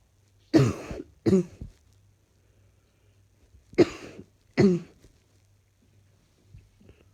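Four coughs in two pairs, each a sharp burst trailing off, with faint hum in a quiet room; repeated dry-sounding coughing.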